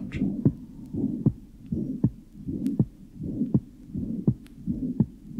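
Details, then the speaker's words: 14-year-old girl with tricuspid stenosis and associated incompetence: heart rate about 80 a minute, rumbling diastolic murmur markedly increasing on inspiration, its first part becoming higher pitched and squeaky. "here is another example of tricuspid stenosis with Associated incompetence in a 14-year-old girl the diastolic memma in particular increases marketly on inspiration and the first part of the memma becomes higher pitched and rather squeaky"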